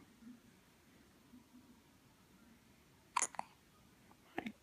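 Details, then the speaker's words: Persistent hiccups in a quiet room: two abrupt, clipped hiccups about a second apart, each a sudden gulp with a click. "Doggone hiccups. What can you do?"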